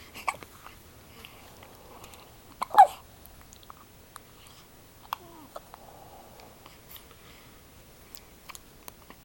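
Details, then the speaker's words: 3-day-old newborn girl who fed too fast: faint, brief, abrupt catches of breath in a quiet room, with sneezes noted. Hiccups; she may hiccup herself to sleep. "There's nothing to do for hiccups. Scare her. Yeah. She's gonna hiccup herself to sleep."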